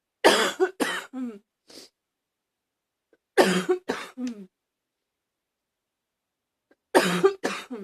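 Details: Three short bouts of harsh coughs with a slightly hoarse, bark-like ring, separated by quiet pauses: a little barking cough.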